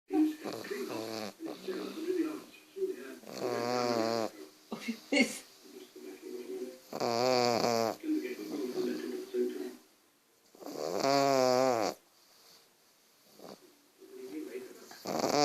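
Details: 7-month-old pug snoring while asleep: irregular, noisy snorting breaths mixed with rattling, pitched snore sounds, typical of a flat-faced dog.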